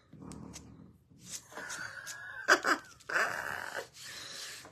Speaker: And my dog is snoring so loud. Can y'all hear that? Hit the heart button if you can hear that. She's had a day.